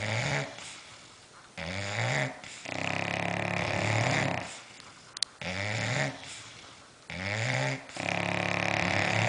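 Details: Two sleeping bulldogs snoring loudly: rough, long rattling breaths in and out about every two to three seconds, with a brief sharp click.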